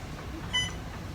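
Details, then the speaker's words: Short electronic beep over quiet room noise as the first fluid bag finishes during an adult's last chemotherapy session for stage 4 metastatic colon cancer: infusion pump alarm. "I guess we're done with the first bag now. Oh, shut up. It'll ring and it'll beep until... I'm coming."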